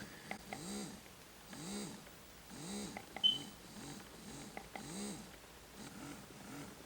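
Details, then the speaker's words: Portable rechargeable electric breast pump running in massage mode: soft rising and falling motor hum about once a second with faint clicks. "so I'm gonna turn it on and as you can see it's massage that's a massage feature that it has"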